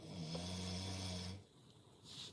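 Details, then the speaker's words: Man snoring with music playing: one low, steady rumbling snore on an in-breath, followed by a quieter pause, with faint music behind. "you guys hear the music over his snoring"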